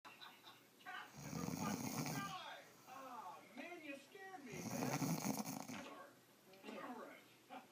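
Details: Adult woman asleep: two loud, rough inhaled snores about 3.5 seconds apart, with quieter breathy sounds between them; snoring.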